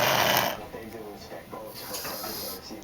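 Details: Landon snoring really loud while asleep, louder than the television: loud, rough snore on the breath in, then quieter noisy breathing with faint television in the background; snoring.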